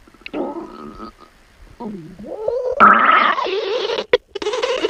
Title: Girl stomach growling ( 4 minutes)